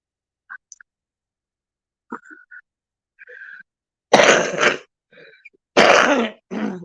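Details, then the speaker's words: Adult with throat congestion gives two loud, harsh, mucus-laden wet cough bursts after faint throat noises; she reports wheezing and not having done her breathing treatment today. "you hear what's in my throat hear that that's that stuff trying to come out because i haven't i haven't i'm wheezing until i haven't done my breathing treatment today"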